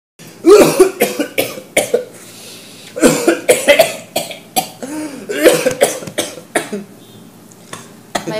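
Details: Acted coughing in a capsule commercial: an adult performs repeated harsh, voiced coughing fits, a hard, persistent cough.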